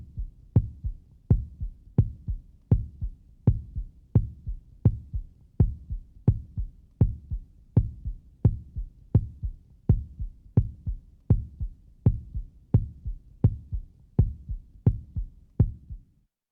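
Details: Normal heartbeat sound effect: steady thumps at about 85 a minute, each a sharp knock with a low rumble.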